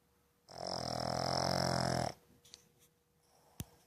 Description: Sydney a two year old rescued Boston terrier sleeping , snoring with her eyes open.